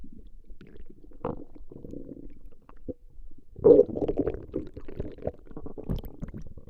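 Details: Continuous low gurgling and bubbling rumbles with a louder surge midway, recorded during a 20-minute session of stomach growling; ordinary borborygmi.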